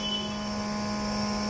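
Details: Continuous steady motor drone with a buzzing tone from an Omron NE-C803 compressor nebulizer running.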